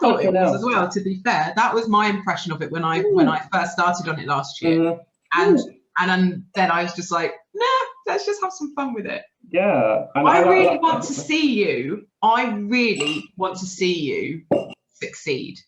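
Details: Adult speaker(s) in conversation; normal speech.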